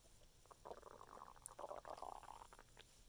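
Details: Gurgling, bubbling stomach rumbles in repeated bursts for about two minutes after eating carbohydrates; active bowel sounds (borborygmi).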